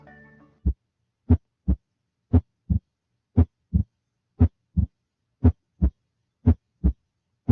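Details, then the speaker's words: Regular low-pitched heartbeat at about 58 a minute with a dull extra sound early in diastole, the rapid passive ventricular filling sound: a third heart sound (S3). "Tercer ruido cardíaco es el sonido del llenado rápido en la fase pasiva temprana del diástole ventricular."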